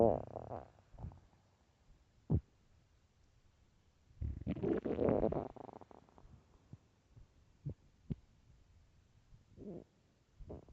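Low gurgling rumbles with a longer churning growl mid-clip and scattered short pops; loud stomach growling from an empty stomach, a normal hunger sound.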